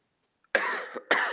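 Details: Two short, harsh cough bursts with a slightly rough, throat-clearing quality from an adult who says they have a sore throat, followed by "excuse me"; a plain cough.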